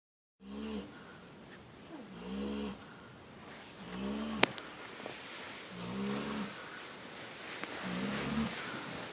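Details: Dog snoring: recurring nasal, whistling snores with a low rumble about every two seconds, with a few clicks in the background.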